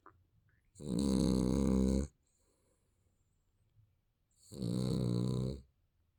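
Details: Baby snoring in sleep: two loud, buzzing snores on inhalation about four seconds apart, with quiet breathing between.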